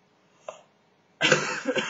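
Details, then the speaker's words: A person who says they are mostly recovered from an illness gives a faint catch, then a single short harsh cough blended into a yawn. "excuse me yawn in a cough"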